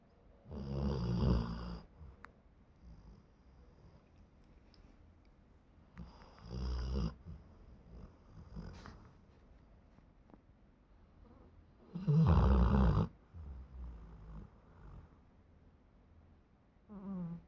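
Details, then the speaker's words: Shih Tzu dog asleep snoring heavily: three loud, low rattling snores about every five to six seconds, roughly eleven a minute, with quiet breathing between. "खर्राटे लिए जा रहे हैं।"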